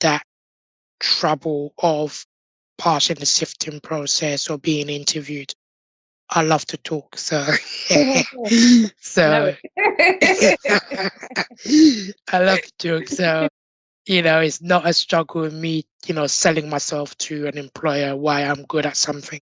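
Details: Adult man born six months premature with undeveloped airways, given emergency surgery at birth and living with a tracheostomy tube; prematurity heavily impacted his vocal cords; tracheostomy voice.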